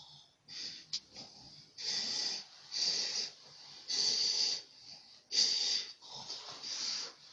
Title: The snoring